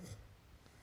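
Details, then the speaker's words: Adult man recorded while asleep, attempting to inhale: a brief low snorting rumble, then near silence, an obstructed inspiration as in sleep apnoea. "me attempting to inhale this is some intimate audio you're hearing"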